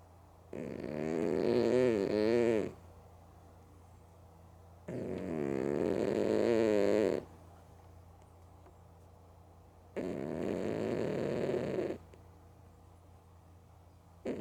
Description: I caught Mookie the cat loudly snoring & sleeping with her eyes open